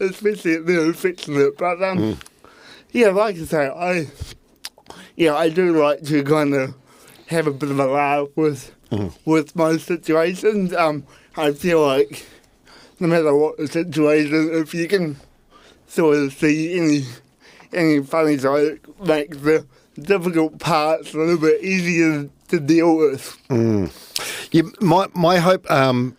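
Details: Dysarthria in a real adult man with cerebral palsy from birth; his parents were told at birth he would never walk or talk, and he had intensive therapy from birth to age six to help him walk and talk.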